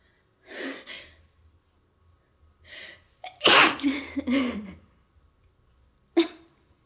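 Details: A run of sneezes with quick in-breaths between them, building to one strong sneeze and then a short final one; ordinary repeated sneezing.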